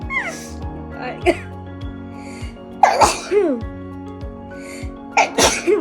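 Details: Two sharp, explosive sneezes during a sneezing challenge, each with a quick in-breath before the burst, over background music.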